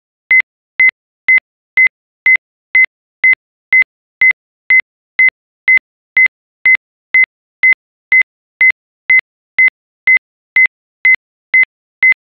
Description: Sinus Tachycardia simulated by a TechPatient CARDIO ECG Simulator with the Ritmic Module Arrhythmia Simulator installed.